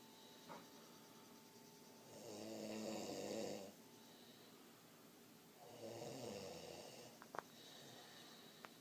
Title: Snoring lowd